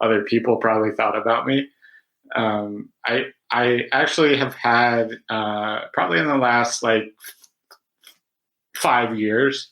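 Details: Adult man who stutters, with secondary behaviours including a recent flapping behaviour used to start sounds; stuttering.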